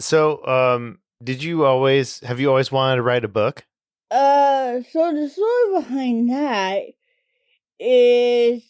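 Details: Two adults in conversation; typical speech.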